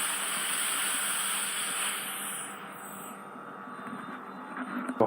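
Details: Ear microsuction in a woman with an impacted wax plug for 9–10 months after several failed removals: steady high-pitched suction hiss fading partway, faint crackling as wax and keratin debris pass the probe.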